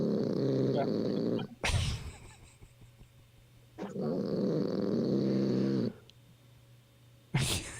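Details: Heavy snoring during a live stream from a man said to have stayed up till 4 a.m.; others joke he has sleep apnea: two long, loud, buzzy rumbling snores on inhalation with quieter pauses and sharp noise bursts between them.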